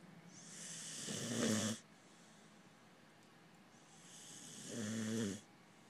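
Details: Sleeping pharaoh hound puppy snoring: soft rasping snores, each building to a brief low buzz, about one every three and a half seconds.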